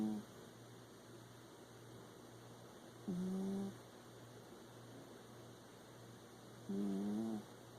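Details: Two short, buzzy, slightly whistling snores about 3–4 seconds apart over quiet room hum; a pet cat snoring during a nap; normal snoring.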